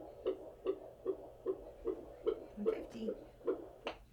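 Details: Rapid, regular whooshing thumps at about 150 beats a minute on Doppler during labour: normal fetal heart tones holding a steady baseline rate.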